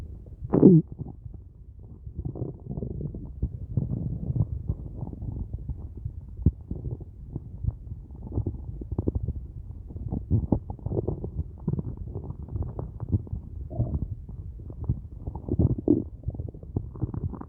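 Continuous low gurgling and rumbling from the belly with a few louder squeaks; ordinary hunger stomach rumbling.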